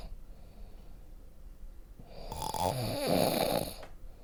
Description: Me snoring at night (3) - Sound Effect -